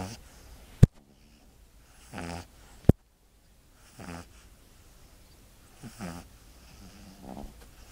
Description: Dog snoring